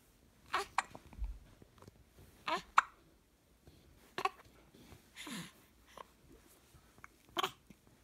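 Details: Baby girl with hiccups: five sharp, brief hiccup sounds in regular succession, about 35 a minute, with small breathy noises between.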